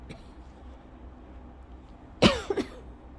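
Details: Lingering cough over a month after illness, with a scratchy throat, in a person with asthma (a milder bout, not an asthma cough): one harsh cough, then two smaller coughs.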